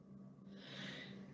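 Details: A single sneeze from a K-pop idol of OnlyOneOf: a quick indrawn breath, then a short, breathy, forceful burst of air over a steady low background hum.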